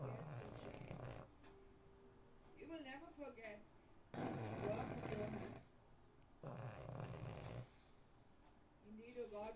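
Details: Pug named Cosmo asleep and dreaming: loud, rough, rattling snores every few seconds with fluttering whistly sounds between them; snoring.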